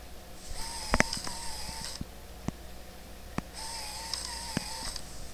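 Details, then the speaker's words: Cyclic mechanical hiss, whirring and clicks rising and falling like heavy breathing, nicknamed "Vader", from a running home IV infusion pump. It is delivering antibiotics and fluids through both lumens. "It's really annoying. We call it Vader because it sounds like Darth Vader breathing."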